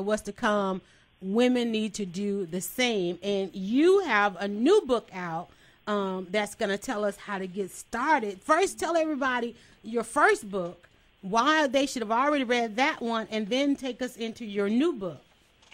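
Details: Adult woman, radio host; normal voice.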